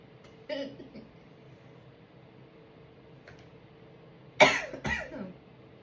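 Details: Sneezes after inhaling chhinkni (sneezing powder): a faint early burst, then two sharp, hissing bursts of air close together, in a quiet room.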